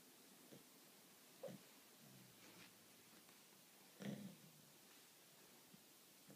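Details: Japanese Shiba Inu snoring loudly while asleep: two low, rough snorting sounds a few seconds apart over quiet room noise; a second Shiba lying nearby may be heard sleep barking.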